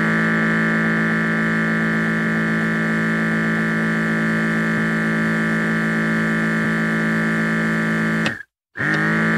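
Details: Automatic blood pressure monitor pump: loud steady buzzing as the cuff inflates, with a brief break near the end.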